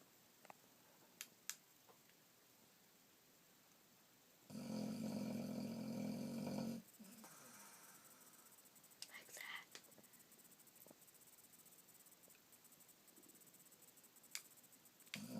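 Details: Boxer dog snoring: a single buzzing, rattling snore lasting about two seconds in a quiet room, followed by soft breathing.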